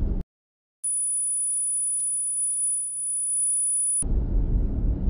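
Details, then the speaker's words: Simulation of an adult's constant 24/7 tinnitus, heard in both ears but more on the left: a steady, very high-pitched continuous ringing tone lasting about three seconds. "If you have tinnitus, you know you can hear it. It's in there, and it's annoying. Mine's 24/7. I'll go ahead and put what it sounds like here."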